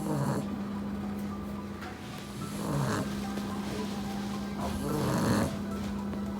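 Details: Puppy napping after playing hard, snoring loudly: loud, rough snoring breaths every two to three seconds over a steady background hum.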